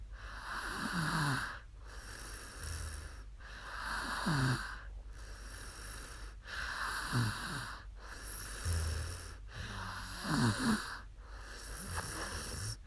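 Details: Woman snoring after falling asleep on a live stream: regular rattling snores, about 19 breaths a minute, over a steady background hum.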